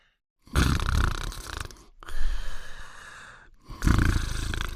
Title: Fafa's Old Adventures Marathon: Cartoon Dog Sleeping and Snoring in 54 seconds